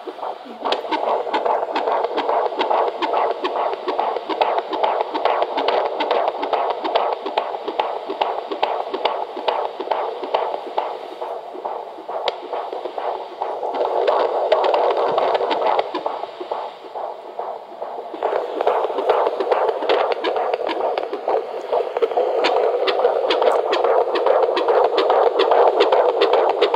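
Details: Fetal Doppler at 32 weeks of pregnancy at a doctor's visit: fast, regular whooshing pulses at about 140 a minute, rate stated as 120s to 140s; strong, normal fetal heartbeat.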